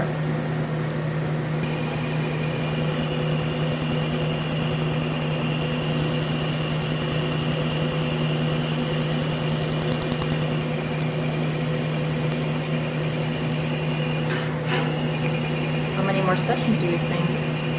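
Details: Steady machine hum with fast, even ticking of rapid laser pulses and a fan-like drone: laser tattoo removal device firing on a leg tattoo after numbing cream, a repeat session on a lightening tattoo.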